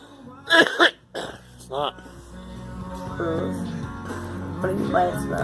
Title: Girl coughing